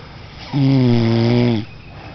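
One loud, steady, low-pitched snore lasting about a second.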